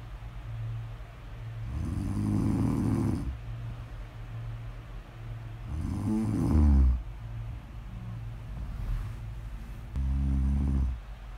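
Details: Adult snoring recorded for ASMR: low, buzzing, fluttering snores recurring about every four seconds over a steady room hum; snoring.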